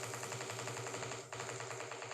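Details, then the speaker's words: Single fiber EMG in a healthy subject, jitter about 10 microseconds: a fast, steady, static train of crackling pulses that does not change, with traces superimposing very well, indicating low normal jitter. "a very static sound doesn't change if you superimpose the traces you get very good superimposition so that's an indication of low normal Jitter"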